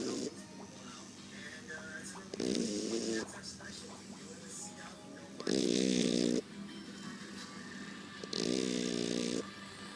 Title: Shar Pei snore ^^[Thailand]